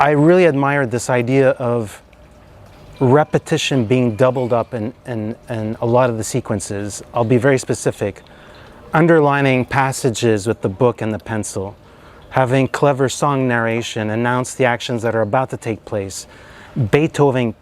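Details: Adult man speaking; normal voice.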